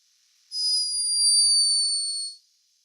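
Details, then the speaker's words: Sleeping hummingbird recorded by a scientist in Peru: a single thin, very high-pitched whistling snore lasting about two seconds. "a high-pitched but unmistakable snore hummingbirds are loved for their beauty and speed but this one was behaving a little bit like a human"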